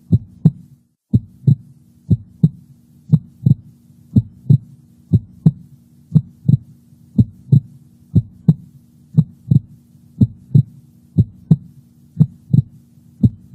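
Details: Regular normal lub-dub heart sounds at about 62 beats a minute with a low steady hum, recorded by a Heart Sound Recorder microphone placed over the heart's valve areas.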